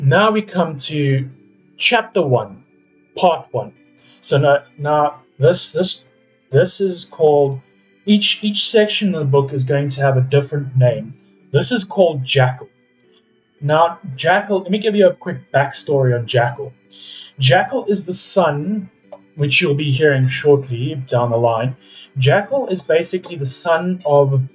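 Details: Adult man reading aloud, who says he has never been able to speak in front of a wide audience; stuttering a bit and having to take breaks; stuttering.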